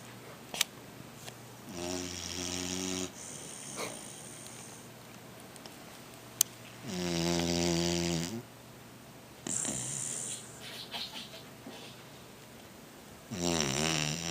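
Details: Sleeping pitbull/Olde English bulldog snoring: loud, rattling, buzzing snores roughly every 10 seconds, with quiet room noise between.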